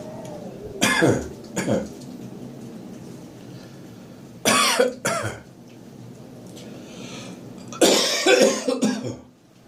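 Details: Morning cough on getting up, full of catarrh: three bouts of harsh, rattly coughing with throat clearing, gagging and retching-like sounds; wet productive cough bringing up mucus.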